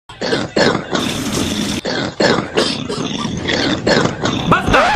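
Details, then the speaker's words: A child gives a series of short, harsh coughs and throat-clearing sounds with brief pauses; the cough tends to return when he laughs. "De seguro se ha de estar aguantando la tos pero normalmente al reírse se le activa la tos de regreso"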